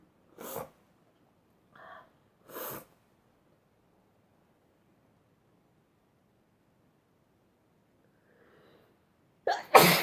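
Several short sharp bursts of breath, ending in one loud forceful sneeze: sneezing.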